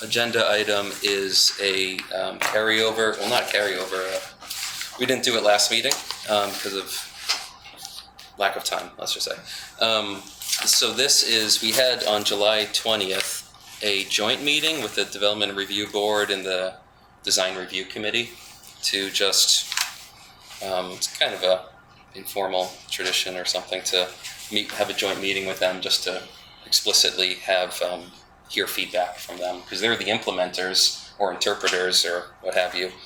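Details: Adult man with self-reported spasmodic dysphonia, which he calls basically localized epilepsy; he links his voice problem to his years in the ski industry and a cliff fall in an extreme skiing championship that left his throat "gunked up."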